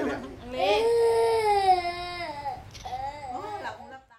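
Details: Crying baby boy: a drawn-out infant wail followed by shorter, softer fussing cries in a quiet room.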